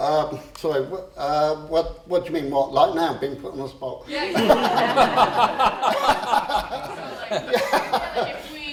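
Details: Stammering (stuttering) in an adult man who formerly swapped words to avoid stammering and later used a breathing technique to control it.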